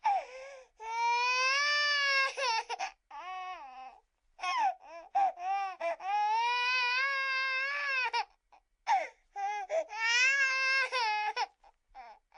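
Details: Human baby crying sound-effect recording: sustained, high-pitched baby wails broken by short gasps and whimpers, recorded cleanly against silence.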